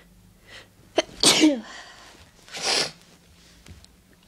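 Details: Sneezes induced by the clothes tag method: a quick in-breath, then two strong, wet sneezes in close succession in a quiet room, with the nose still tickly afterwards.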